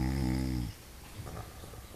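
A low rumbling snore on the breath, then quieter breathing in a small room.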